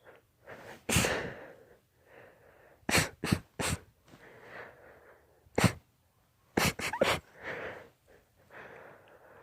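A run of about six sharp sneezes, some in quick pairs and triplets, with breathy gasps between them. This is a sneezing fit.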